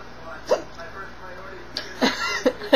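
Several abrupt, voiced hiccup sounds, about four in under three seconds, with light background noise.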